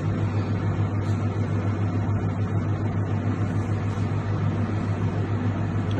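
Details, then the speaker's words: Maquet Jostra HCU 30 heater-cooler (hypothermia) unit running with its circulation pump just switched on and water starting to flow, with a 15-degree set point: a steady low mechanical hum with a constant motor drone. "इसको दबा the अब पानी अभी तक flow नहीं हुआ अब पानी फ्लो होना शुरू हो जाएगा और आपका टेंपरेचर न आना शुरू हो जाएगा"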